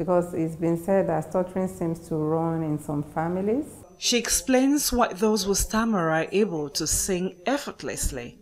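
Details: Adult woman narrating; fluent speech.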